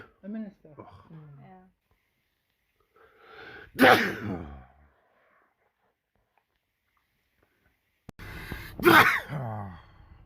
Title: World Loudest Sneezes winter edition